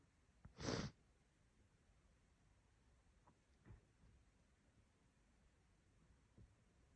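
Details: Female sneezing: one loud, messy, wet sneeze, then quiet sniffs and breathing.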